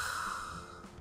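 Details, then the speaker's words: Adult testing a CPAP machine through a nasal hose; air rushes in easily but exhaling against the pressure feels stuffy: breathy, hissing outbreath with steady airflow noise, labored exhalation against CPAP. "그래서 들어올 때는 쑥 들어오는데 나갈 때는 뭔가 좀 답답합니다이 드러운 공기를 밀고 나가야 되기 때문에"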